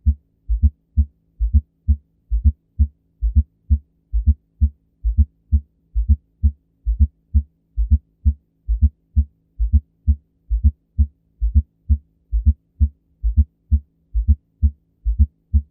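Regular low heartbeat about 66 a minute with a soft extra sound just before the first heart sound: an S4 gallop.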